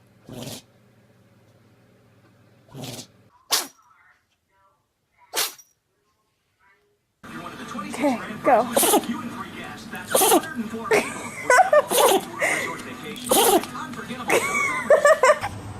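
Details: Animal sneezing compilation: several short, sharp sneezes in a quiet stretch, followed by music, overlapping voices and animal noises.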